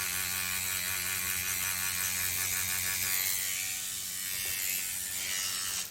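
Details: Continuous rapid mechanical buzzing and rattling from a motorized microneedling pen working on the cheek and jawline after lidocaine removal, with the tissue stretched and needle depth checked; microneedling pen in operation.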